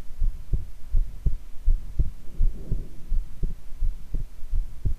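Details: Normal heart sounds recorded with the person lying prone: steady, clear, regular paired lub-dub at about 82 beats a minute.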